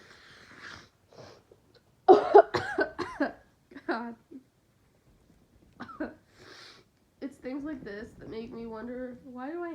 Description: Sniffling, sneezing, coughing, breathy buildups, and even after all of this my nose STILL TICKLES.